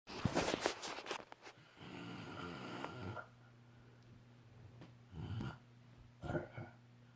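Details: Dad snoring in sleep: loud, rough, groaning snores with guttural rattling on each breath, then quieter snoring, over a low room hum; snoring.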